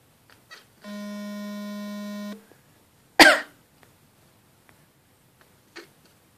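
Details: Single sharp cough from a person after a steady whining tone from a Shiba dog, which reportedly whines whenever its owner coughs.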